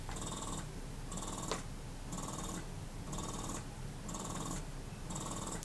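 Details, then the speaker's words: Spectra electric breast pump on stimulation mode at highest setting (fastest suction cycle): rhythmic mechanical whir-and-release suction about once per second, compared with Motif Luna, which is slightly louder. "this is the spectra and that's both pumps on the stimulation mode at its highest setting so the quickest suck that it can do like i said motif slightly louder but not that noticeable"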